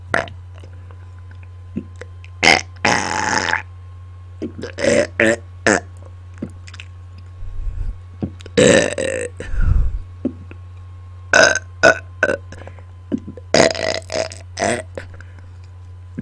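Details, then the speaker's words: Deliberate burping on command into a microphone: a string of loud, croaking burps of varying length, some drawn out and voiced, in a quiet room with a steady low hum. "okay I am burping into my microphone today so the sounds may get a little intense"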